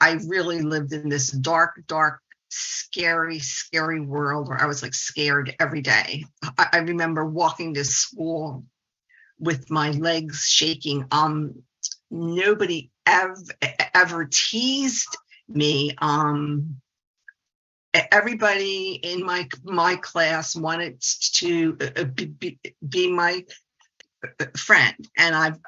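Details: 68-year-old woman, a speech-language pathologist who has stuttered since age two; part-word and word repetitions and blocks; stuttering.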